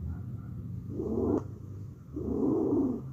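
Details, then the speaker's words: Stridor on auscultation: loud, harsh, coarse high-pitched breath sounds produced by upper airway narrowing. "A continuación escucharemos el sonido del estridor."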